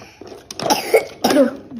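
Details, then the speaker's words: Two short, slightly rough coughs about half a second apart from a young child. "Batuk Pak haji batuknya ditutup pak haji ditutup mulutnya"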